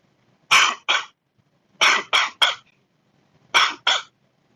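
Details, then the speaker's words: Dry, non-productive cough with very little sputum: seven short, sharp coughs in three bursts, with no rattle or gurgle of sputum. "so in this example you can see that this putum is very less you cannot hear that sputum gurgling sound or like that"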